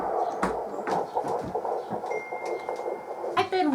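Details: Home-birth midwife visit at 13 weeks of pregnancy, first Doppler listen: rapid, regular whooshing pulses over a hiss, a single fetal heartbeat heard.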